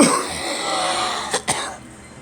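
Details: Two short, sharp coughs in quick succession in a small room, from a cold that the person says started after a flu shot.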